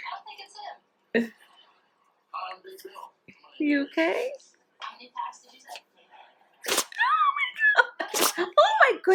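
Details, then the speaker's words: Female puppy having a sneezing fit: rapid repeated sneezes while a person reacts in the background. "Oh goodness. Puppy, that's a lot of sneezes. You okay?"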